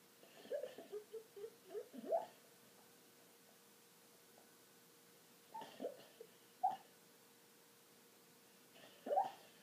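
A sleeping dog makes clusters of short, pitched bubbling or gurgling snorts in a quiet room.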